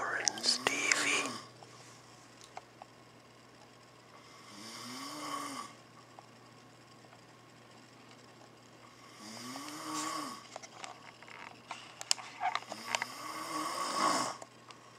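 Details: Adult man asleep on a cruise ship; four loud rasping snores on breathing in, each followed by a quiet pause: ordinary snoring.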